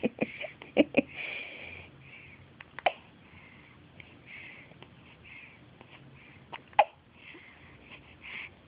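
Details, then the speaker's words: One-week-old baby with sharp, brief hiccups and small squeaks at irregular intervals, otherwise quiet and not bothered; infant hiccups. "We have hiccups. Doesn't seem bothered by them. I can't help but love that little squeak."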